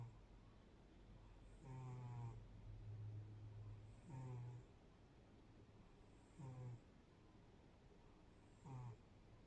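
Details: Sleeping pet cat snoring: soft, regular low snores about one every two seconds in a quiet room.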